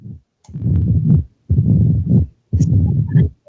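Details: Low rumbling heart sounds repeating about 58 a minute, as the atrium pushes harder to force blood into the ventricle; the diastolic rumbling murmur of mitral stenosis.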